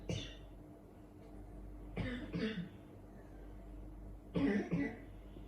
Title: Part 19 suara ngorok dan batuk